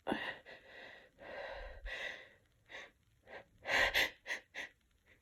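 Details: Woman sick with a cold, tickly nose and mild congestion, using a nasal tickle to provoke sneezes: breathy build-up gasps then several short stifled wet sneezes in quick succession; sneezing.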